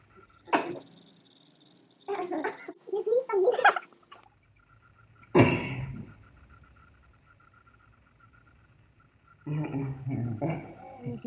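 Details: Several short, sharp sneezes with quiet gaps in a quiet room, recorded playfully by excited friends, one sneezing on the other; sneezing.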